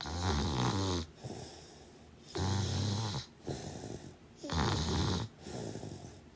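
Loud, rough, rattling snores on each breath in, with quieter breaths out between, about 28 breaths a minute.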